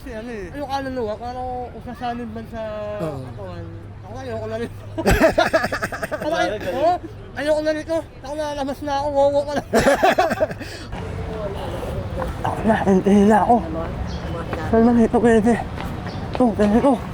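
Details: Young Filipino man, self-described 'ngongo' (nasal-voiced), with palate (ngala-ngala) surgery in childhood and late speech development; hypernasal speech.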